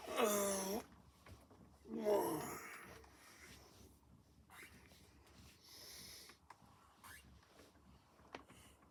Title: Tried to catch him snoring got more than I bargained for 😂 #pughsontour